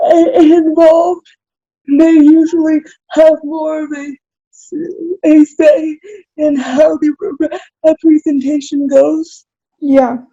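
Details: Dysarthria in an adult with spastic cerebral palsy.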